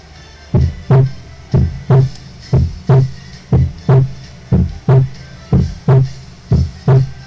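Steady lub-dub heartbeat at about 60 beats a minute; the closing 'dub' of each pair is the normal second heart sound.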